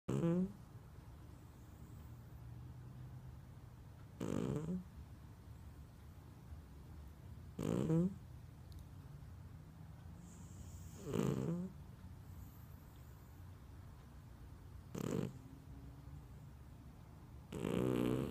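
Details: Calico cat snoring loudly: rattling snores about every 3.5 seconds, roughly 17 a minute, with quiet pauses between.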